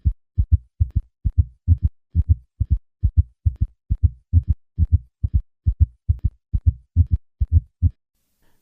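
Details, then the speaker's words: Quadruple rhythm at a heart rate below 90 per minute: three normal beats, then an added third heart sound in early ventricular filling, then a fourth heart sound with atrial contraction, an S3 and S4 gallop. "On occasion, a patient may have both a third heart sound and a fourth heart sound. At heart rates below 90 beats per minute, there can be a quadruple rhythm."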